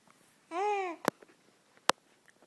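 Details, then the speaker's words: Two sharp, explosive sneeze bursts about a second apart after a brief voiced build-up; sneezing. "You got the sneezes, don't you? You got the sneezes."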